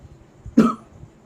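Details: Adult imitates a cough that comes singly in a homeopathy cough-remedy demonstration: one short, isolated cough burst; single isolated cough.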